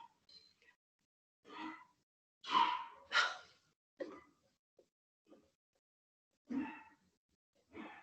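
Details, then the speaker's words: An old dog coughing in the background, with irregular, harsh, breathy bursts and two strong back-to-back coughs amid smaller hacks. "have an old dog can you hear him coughing in the background"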